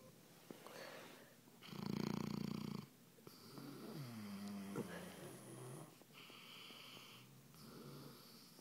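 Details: Two sleepers snoring together in alternating breaths, one deep and rattling, one higher and whistling; ordinary overlapping snoring.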